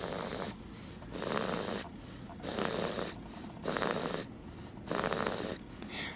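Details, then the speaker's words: Loud snoring that the family believes comes from a young child, not the father: regular loud rasping snores about one every 1.2 seconds, with quieter gaps between breaths. "i'm awake yeah cause daddy's awake and normally daddy snores but what i mean but this is pretty loud"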